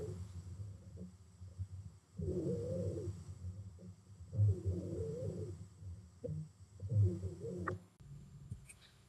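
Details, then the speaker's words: Breath sounds with a musical, high-pitched whistling wheeze on repeated breaths from narrowed, constricted airways, as in asthma or COPD; wheezes. "If we have wheezes, that's when our airways get small. They're constricted or narrowed for some reason. So as the air passes through it makes a high-pitched whistling noise. This can happen in asthma or COPD and it sounds like this."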